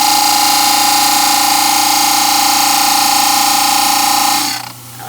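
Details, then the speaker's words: Loud, steady grinding hum as a model trimmer wheel cuts the first side of a plaster dental study model along a line 4–5 mm from the teeth, winding down at the end; dental model trimmer grinding. "So now I'll go on the trimmer and I'm going to follow that line."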